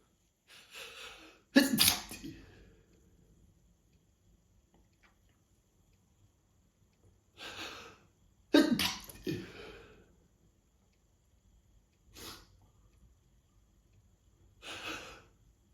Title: Cold Sneezing Fit